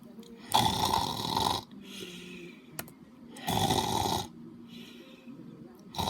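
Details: Snoring: loud, harsh rattling snores on each in-breath, about two cycles in six seconds, with softer whistling out-breaths between.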